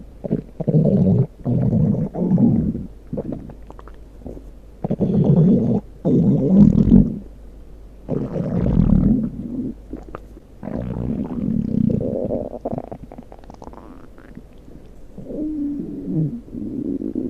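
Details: Low, irregular gurgling and rumbling in repeated bursts with a soft purr near the end: ordinary stomach growling (borborygmi).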